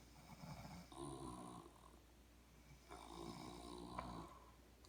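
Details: Two people, a person and their dad, snoring together: two long, rattling snores on inhalation about two seconds apart with quiet breathing between; snoring.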